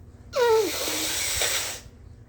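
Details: Induced sneeze: a rising voiced inhale breaks into one long, forceful, hissing burst of breath lasting over a second.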